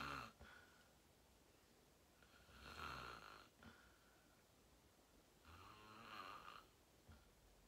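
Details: Adult sleeping, fell asleep fast around 8:45 and slept deeply: slow, rhythmic snores about three seconds apart, each a soft rasping in-breath; steady snoring.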